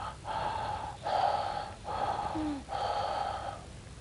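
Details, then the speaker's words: Harsh, hollow breath sounds with clear gaps between inspiration and expiration, imitating bronchial breathing during a respiratory examination teaching session; bronchial breath sounds. "In contrast, bronchial breathing, bronchial breath sounds are much harsher and they sound somewhat like this."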